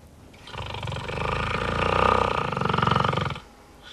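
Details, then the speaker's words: Man whose chest and lungs get too weak to pump air in sleep, stopping breathing a hundred times a night, snoring and spluttering to regain breath; he wears a mask to sleep. "he stops breathing a hundred times a night snoring and spluttering to regain his breath"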